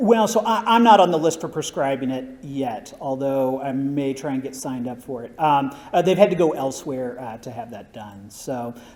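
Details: Adult male speaker; typical voice.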